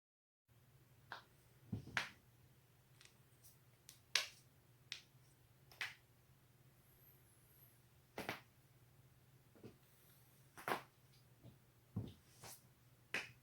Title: 首鳴らし neck/back crack 172